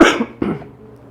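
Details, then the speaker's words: Adult lecturer coughing mid-lecture: two short, harsh cough bursts in a small room, the second weaker. "ध्यान से सुनो यार, खांसी आ रही है।"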